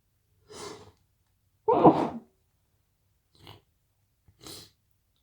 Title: Sniffly sneezes